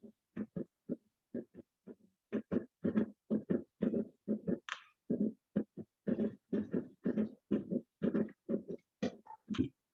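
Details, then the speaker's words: Fast, grouped heart sounds in a three-beat galloping cadence, heart rate over 100 per minute, played as a teaching example in a cardiology class: gallop rhythm. "Ese es el ruido del galope y por lo general pues, este se presenta en patologías del tercer o cuarto ruido, que por lo general lo escucharíamos en esos ruidos que estarían acompañados."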